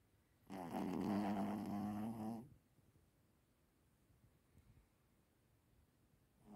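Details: Sleeping snorer described as a "snoring monster": a single drawn-out, rattling, voiced snore of about two seconds, then quiet breathing; snoring.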